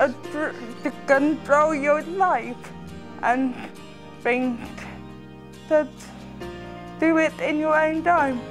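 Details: Young person born with cerebral palsy, which the physiotherapist says can affect speech; dysarthria (cerebral palsy).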